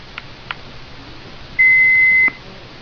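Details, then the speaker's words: Heartstream FR2 AED (same as Philips FR2 Plus), switched on for a demonstration after its self-test: a single steady high-pitched power-on beep lasting under a second. "I'll turn it on to give you a little demo of what it sounds like."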